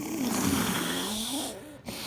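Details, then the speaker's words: Post-ictal snoring respiration in a woman just after a short, violent generalized tonic-clonic (grand mal) seizure, lying on her side: noisy, rough, gurgling snoring-like breathing while she sleeps afterwards. "I look like and sound like I'm snoring and I don't know if that's just part of the post-ictal phase where you're just so brain has so been attacked that you're just sleeping for a little while afterwards"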